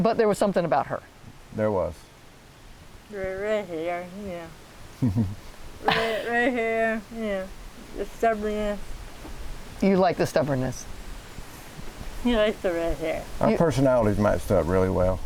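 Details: 40-year-old woman with athetoid cerebral palsy, GMFCS level 3/4, moderate to severe physical involvement from quadriplegia, using a walker and power wheelchair; dysarthria.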